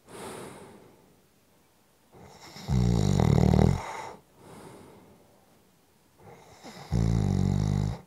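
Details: Two loud, low, rattling snores on the in-breath, each followed by a quieter breath out, about four seconds apart; ordinary heavy snoring.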